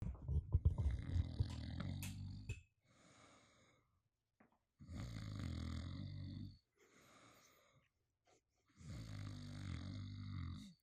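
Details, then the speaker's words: Adult man recorded with a microphone while asleep on a couch cuddling a pillow: loud, low, rattling snores on each breath in, about three over eleven seconds, with quiet breaths out between; ordinary snoring. "I have microphoned my boyfriend snoring sleeping on the couch cuddling a not safe for work Scar from The Lion King buddy pillow mm-hmm this is this is an exclusive snore"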